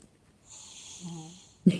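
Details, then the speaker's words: Sleeping granddaughter (child) snoring: a single soft, hissy breath with a low buzzing hum midway, ending in a sudden thump. "my granddaughter was snoring can you hear it listen"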